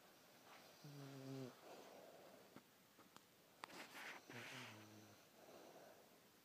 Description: Rasta snoring with her tongue flapping